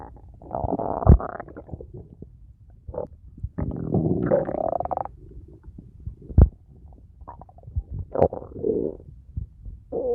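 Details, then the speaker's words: Intense, prolonged bowel sounds heard on abdominal auscultation of a distended abdomen; with pain these indicate mechanical ileus (intestinal obstruction): hyperactive borborygmi. "la presencia de ruidos y libros de lucha que serían intensos prolongados acompañados de dolor reafirman la presencia de un hilo mecánico"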